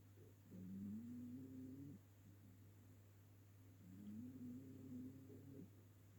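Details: Ginger cat asleep on the sofa snoring loudly: two long, tonal, slightly rising snores about three seconds apart over a steady low hum; snoring, audible across the room.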